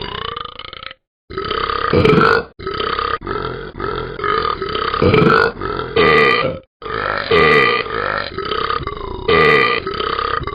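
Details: Talking Ben the Dog app character burping: a long run of about a dozen loud, drawn-out, voiced belches with brief pauses between them.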